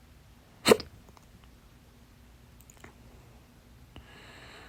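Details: One sharp, loud hiccup burst followed by fainter clicks in a quiet room, from a stubborn, fast, late-night hiccup bout lasting 30 minutes, blamed on too much salsa; holding breath failed at first and worked on the fourth try; hiccups.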